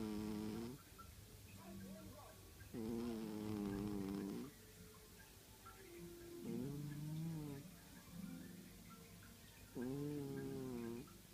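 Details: Soft, buzzy snoring from a sleeping cat, about 17 breaths a minute, with faint background music or talk.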